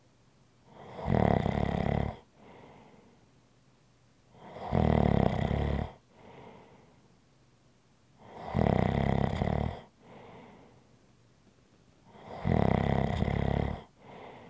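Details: ASMR relaxation recording: loud rhythmic snores on each breath in, roughly 16 a minute, with softer breaths out between, in a quiet room. Snoring.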